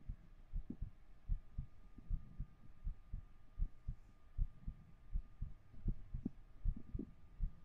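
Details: Soft, muffled low paired thumps under a faint steady hum, heard close up with a 3Dio binaural microphone during an ASMR livestream; heartbeat, moderately irregular in the recording.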